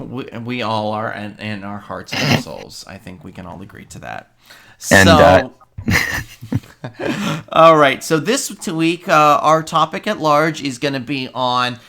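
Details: Adult speaker, podcast recording; Normal conversational speech.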